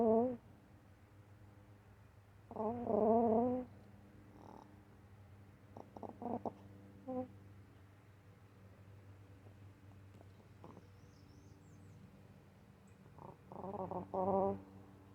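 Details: Irregular high-pitched, whistling breath sounds from an animal: wheezing.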